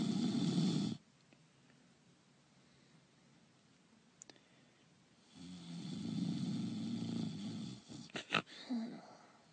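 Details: Simulated snoring, an actor's voice-over imitation: two long, low, rough snoring breaths separated by quiet, with a few soft snorts at the end.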